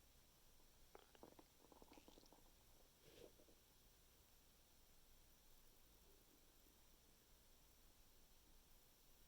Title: Thursday night stomach making noises part 4